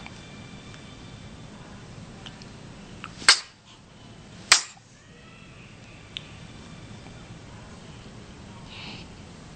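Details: One-month-old infant with hiccups: two sharp, abrupt clicks about a second apart in a quiet room.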